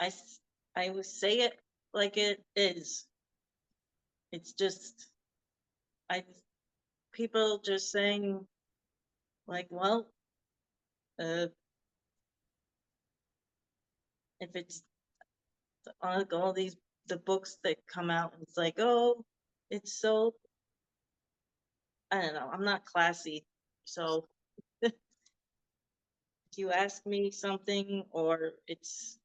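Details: Adult woman with aphasia after a hemorrhagic stroke in 2018, unable to talk for 2 years, initially Broca's type; speech still worsens after recurring seizures; Broca's (non-fluent) aphasia.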